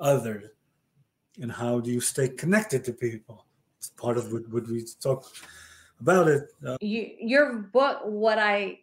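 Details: Male stroke survivor diagnosed with aphasia after a stroke about 30 years ago, in conversation with word-finding difficulty; aphasia.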